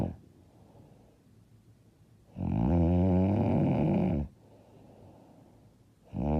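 Long, loud, rattling inhaled snore lasting about two seconds, then quiet breathing and the next snore beginning; heavy snoring.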